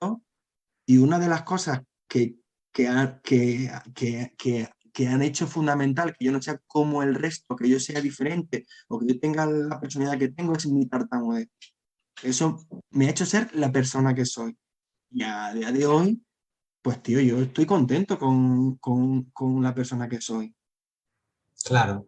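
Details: Adult Spanish-speaking man who stutters, with a constant struggle since childhood to hide it: stuttering.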